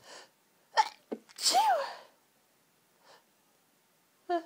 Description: really girly sneeze fit caused by hayfever, sneezing into tissues near the end of the fit